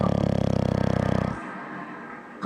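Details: Bulldog snoring: loud, deep fluttering rattle on one breath followed by a quieter, softer breath.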